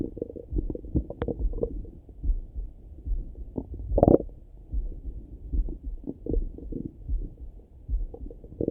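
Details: Low gurgling rumbles and irregular bubbling over the belly, heard through a stethoscope in the morning; normal active bowel sounds (borborygmi).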